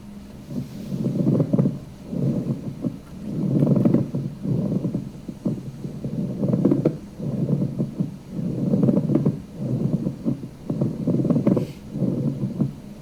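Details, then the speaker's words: Pleural friction rub from inflamed pleural surfaces: rough, dry creaking with each breath, like rhonchi but drier, likened to bending crackling old leather; unlike rhonchi, not louder over the trachea. "it's dryer okay so it's gonna sound like rhonchi but it sounds like a dryer sound and in fact some people talk about it in terms of like crackling old leather"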